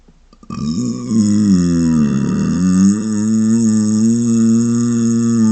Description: Here's another video filled with closed mouth burps! Hear the muffled rumble! :)